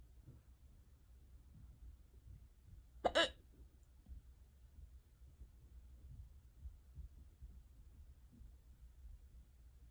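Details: Person with unusually bad, persistent hiccups: a single sharp, abrupt hiccup in an otherwise quiet room.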